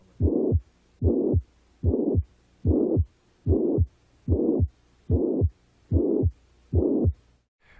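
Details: Cardiac auscultation in a teaching exam of a patient with chest pain, covering the sternal borders and the mitral area at the apex: regular heartbeat at about 73 a minute, with a hollow blowing murmur filling the gap between the heart sounds: mitral regurgitation murmur.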